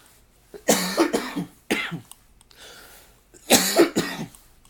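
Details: Two bursts of harsh, loud coughing, several coughs each, with a short breath between: a coughing fit in an adult speaker.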